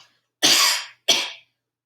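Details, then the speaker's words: Adult in a clinical swallow evaluation gives two strong, clear voluntary coughs after swallowing thickened liquids, with no wetness or rattling on the vocal folds: a normal voluntary cough. "so i'm not hearing any wetness or vocal folds i'm not hearing any rattling around on the vocal folds during the cough as well"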